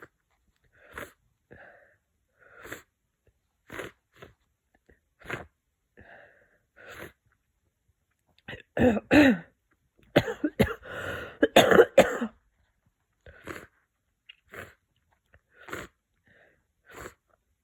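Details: Congested sneezing and repeated wet sniffing from a person with a cold, stuffy-nosed sniffles followed by a burst of congested sneezes; cold progression stage 5.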